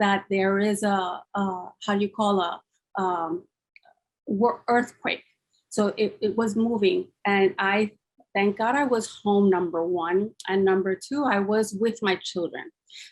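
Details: Woman with aphasia after a massive double stroke (ischemic and hemorrhagic) 10 years earlier, now recovered enough to speak; finding: aphasia.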